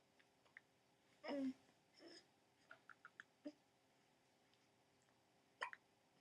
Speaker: hiccuping baby. Are you gonna hiccup yourself to sleep?